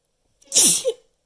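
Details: One sharp, hissing sneeze with a quick voiced catch at the end, part of a counted run of repeated sneezes; sneeze.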